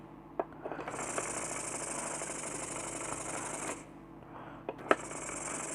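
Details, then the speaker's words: Compressor nebulizer being repaired at home, run after a thin-wire fuse was fitted: clicks, then steady buzzing motor hiss about three seconds that stops and restarts; compressor motor running. "দেখতেই পাচ্ছেন আমাদের কম্প্রেসারটা চলছে।"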